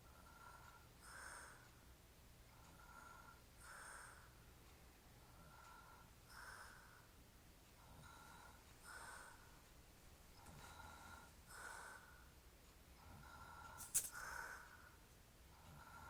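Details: Quiet rhythmic rasping breaths about 23 a minute with soft noisy snores on each breath in a quiet room, from a hairy-chested man described as drunk, asleep; snoring.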